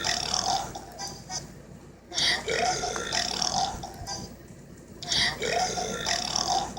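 Two long, loud, voiced belches a few seconds apart, each lasting about two seconds, with some faint background sound between.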